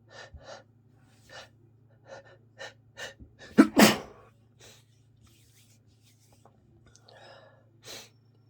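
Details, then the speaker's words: Sneezing fit during an illness with a congested cold: series of short breathy inhalations building to one loud sneeze, then quiet breathing. "Oh, God. I'm gonna sneeze again. Here it comes. I'm gonna sneeze. There it is. Excuse me."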